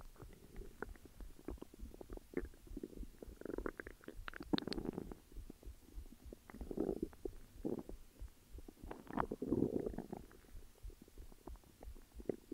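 Low gurgling, bubbling rumbles that rise and fall irregularly; stomach growling from gas and fluid moving through the gut.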